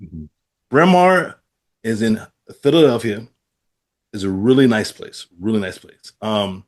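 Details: Adult man with aphasia following a stroke; aphasia.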